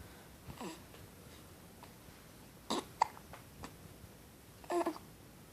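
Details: Hiccups: a few brief, sharp gulping catches in a quiet room.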